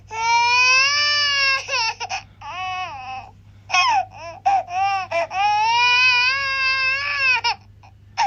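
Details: Loud, sustained, high-pitched wailing in long cries broken by short catches of breath; infant crying.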